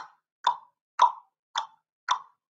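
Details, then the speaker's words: Vocal imitation: a nurse makes mouth clicks at a steady rhythm to imitate the clicking type of Korotkoff sounds heard while the blood pressure cuff is released, one of several types alongside knocking and whooshing. "like a clicking type. So you just have to train your ear."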